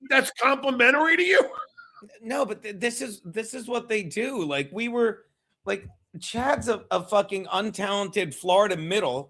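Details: Adult man, conversation; normal conversational speech.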